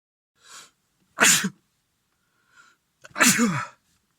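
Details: Adult male with an ongoing cold, blocked and runny nose and sore throat, having sneezing fits all day; two forceful sneezes, each with a short breathy lead-in, in a quiet room: sneezing.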